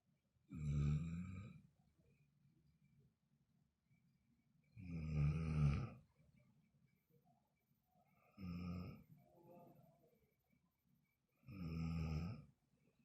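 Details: Loud, rumbling snores at regular intervals, about four in thirteen seconds, with quiet gaps between them; typical heavy snoring.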